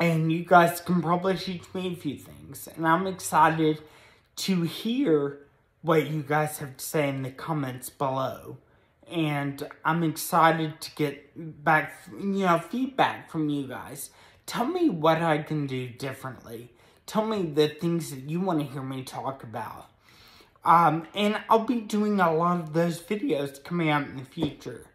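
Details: Adult man with moderate Friedreich's ataxia, a progressive spinocerebellar degeneration diagnosed at age 16, with speech affected and varying between good and bad days; also has a brain injury from being hit by a vehicle; ataxic dysarthria.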